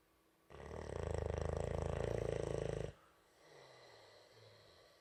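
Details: Boxer puppy snoring loudly: one loud, rattling snore lasting about two and a half seconds, then quiet breathing with faint room noise.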